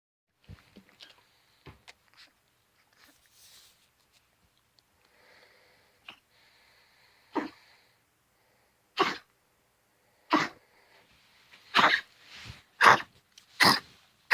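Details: Female Pomeranian with chronic cough for 10 days, all day with breaks in sleep; vets excluded heart disease, pneumonia, tracheal collapse, doubt kennel cough; on Benadryl, hydrocodone/homatropine syrup and doxycycline; run of short harsh coughs growing louder and closer together.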